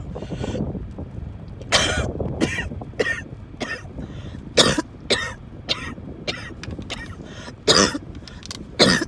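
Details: An adult in a car has another coughing fit, described as coughing, wheezing and choking.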